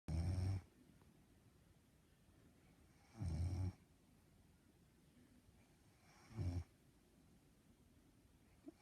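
Loud, low rattling snores on each breath in, about 19 a minute, with quiet gaps between. Heavy snoring in sleep.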